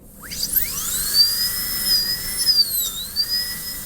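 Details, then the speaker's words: High-speed dental handpiece whine dipping in pitch as the bur cuts, then climbing back, during a Class II preparation on a manikin (simulated patient): just picking up the pit and distolingual groove, cutting parallel to the oblique ridge. "so I've just barely got that pit I'm going to do a little bit"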